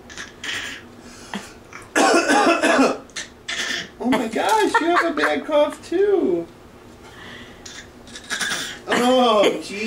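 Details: Young child playfully imitating parents' bad cough; series of exaggerated cough bursts mixed with voiced throat sounds in a small room, an imitated cough.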